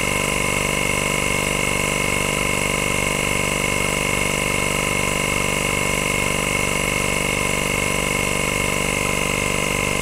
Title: Sound of suction machine